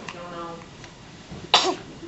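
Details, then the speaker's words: An infant sneezing, possibly from pulling at something that helps him eat: a single sharp, explosive sneeze burst after quiet room sounds and brief voicing. "He started pulling that out. That's why I was like, that's probably why he's sneezing."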